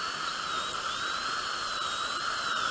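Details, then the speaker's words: Continuous high-pitched wavering whine of a high-speed bur making the initial drilling point in bone during live bilateral maxillary sinus elevation surgery with simultaneous implant placement. "so when you have the initial drilling point sometimes we can use smaller high speed diamond bar or a small round bar"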